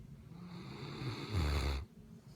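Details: Sleeping mastiff: a single deep, rumbling snore swelling toward its end, then fading; snoring.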